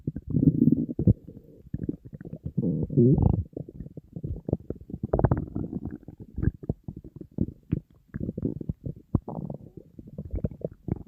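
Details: Person on a diet, very hungry, stomach rumbling nonstop: continuous low gurgling and rumbling with bubbly bursts; empty stomach hunger growling (borborygmi).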